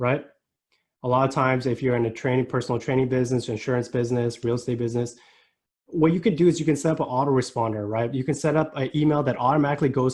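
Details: Adult male speaker; Normal speech.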